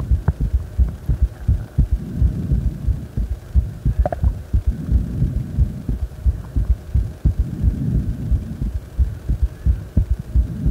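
Steady low thumping heartbeat at about 88 beats a minute under a faint hum, recorded lying down after deep squats.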